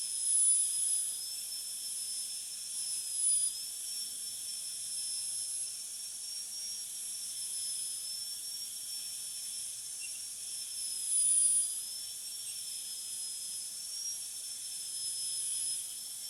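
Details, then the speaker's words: High-speed dental drill with a flat tapered bur cutting buccal and lingual axial depth grooves (1.2–1.5 mm reduction) on tooth 46 for a metal-ceramic crown; steady high-pitched whine and hiss with slight pitch dips as the bur cuts. "So I will give depth grooves in the axial surface of the tooth. So we need about 1.2 to 1.5 mm reduction in the axial surface of the tooth, buccally and lingually. I am going to use a flattened tapered burr for this preparation."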